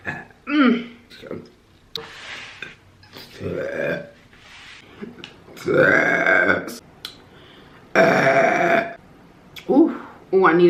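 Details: An adult burping repeatedly while eating on camera (mukbang), saying "excuse me": several loud, drawn-out voiced belches with quieter sounds between them in a small room.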